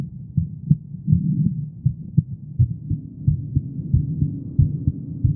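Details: Female heartbeat: soft, muffled low thumps in a steady rhythm, about 85 a minute, over a faint hum; normal heartbeat.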